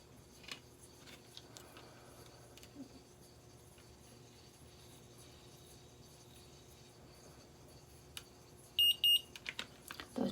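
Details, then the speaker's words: Type 1 diabetes insulin pump pod activation: after filling the pod with insulin by syringe, a short run of high electronic beeps signals it is active, before pairing with the controller; site planned on the stomach. "beeps mean it's active activated so we are going to hit next and now it will communicate with the Pod"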